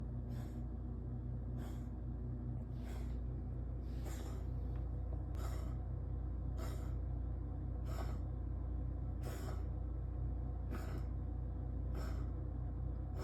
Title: #Cat #hacking #coughing #hairball